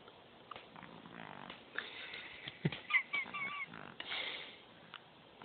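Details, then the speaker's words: Infant snoring while asleep after drinking Enfamil formula: soft, irregular noisy breathing with faint whistly bits over quiet room noise. "really snoring. Like, no joke. Drunk off that milk."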